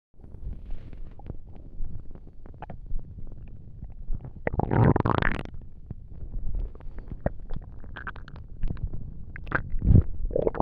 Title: Stomach noises